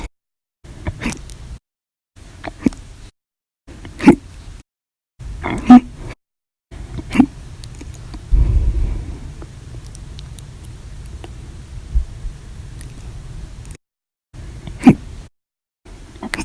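Sharp, abrupt gulping catches repeating every one to two seconds, with spliced gaps between. Repeated hiccups.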